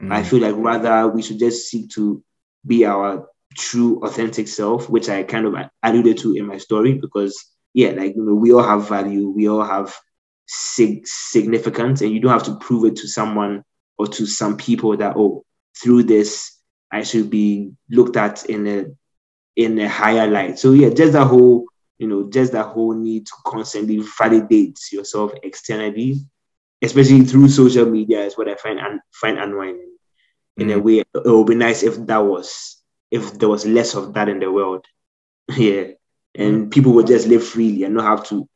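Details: Adult man who has stammered since childhood, severe growing up, now managed after speech therapy; audible word repetitions; stuttering.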